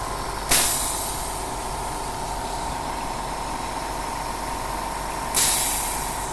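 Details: DIY oxygen concentrator with lithium zeolite, output purity up to 90% at 5 LPM: steady compressor hum with sharp valve exhaust hiss about every five seconds.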